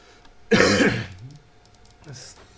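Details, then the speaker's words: Adult with a minor cold for a few days, improving, coughing while speaking on a live stream: one harsh, voiced cough or forceful throat clearing, then a softer second clearing sound in a quiet room. "Still a little sick. I had a minor cold the last few days. And it's getting better since Monday. But you will hear me coughing a few times during the stream."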